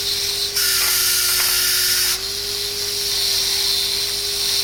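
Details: High-speed dental handpiece with a straight fissure bur, a high-pitched whine with loud spray hiss that strengthens during cutting then eases: starting a class 5 cervical cavity preparation on the buccal surface of a maxillary first molar.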